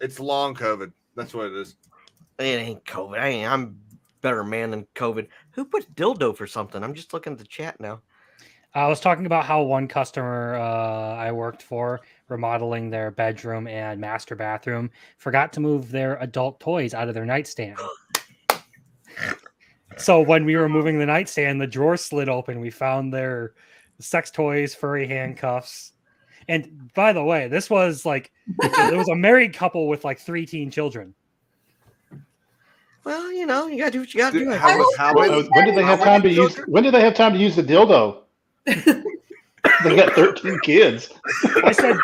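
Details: Adult male with a self-described speech impediment, a stutter he likens to Churchill's; he says he once avoided talking out of fear; stuttering.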